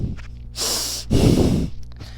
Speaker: hibernation is basically like sleeping but not exactly like sleeping so if you think of it when you're asleep you breathe normally like this